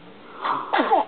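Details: An infant, upset by hiccups, gives a small, quick sneeze: a soft intake followed by a sharp, high burst of air.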